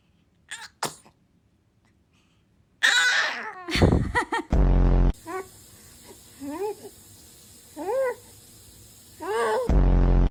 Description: The baby sneezes the cutest #funnybaby #babiesoftiktok #cutebaby#fyp#sneeze